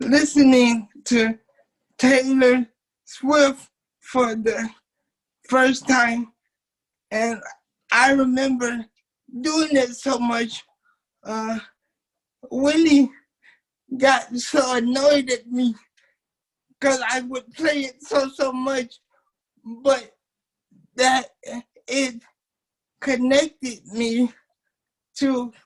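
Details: Dysarthric speech of a 27-year-old man with cerebral palsy since birth, a wheelchair user whose family was told by doctors he would never be able to talk.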